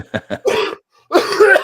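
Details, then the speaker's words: Adult sick all week with a terrible, nagging cough and hoarse voice: two short coughs, then two longer harsh ones after a brief pause, in a quiet room. "I've been sick all week. I've had this terrible cough. I had to put a couple of videos out with my terrible voice."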